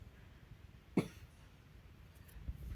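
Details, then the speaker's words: A patient gives one short, low, loose cough during a massage for an itchy-throat cough. Phlegm is coming up but is being swallowed. Finding: productive cough. "dia mah udah dahaknya keluar juga masih ditelan biarin dah"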